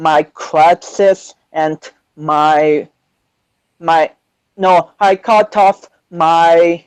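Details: 25-year-old man with cerebral palsy since birth, which he says affects his balance, coordination and speech; doctors had told him he would never walk; real speech; dysarthric speech (cerebral palsy).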